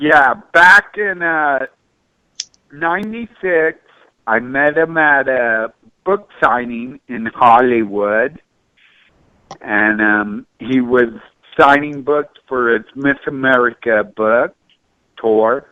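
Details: Speech impediment in an adult male radio guest speaking on a call-in show.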